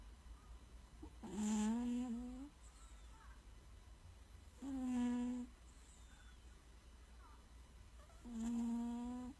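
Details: Sleeping cat: three slow, buzzing snores roughly every three and a half seconds, about 17 a minute, over a steady low room hum; snoring.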